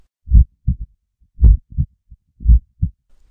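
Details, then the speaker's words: Simulated muffled pounding heartbeat near 56 per minute, imitating someone hearing his heart pound in his ears for a couple of hours; illustrates pulsatile tinnitus, a whooshing in one or both ears. "Johnny has been hearing his heart pound loud and clear in his ears for the last couple of hours but what can possibly be causing this"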